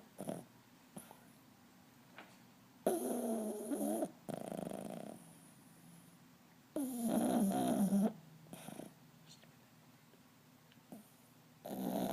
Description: For a little guy, sure makes a racket when he snores.